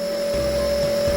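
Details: Omron compressor nebulizer running without Ventolin, used for a patient with only cough and cold to thin phlegm: steady, even mechanical motor hum with no pauses or pitch changes.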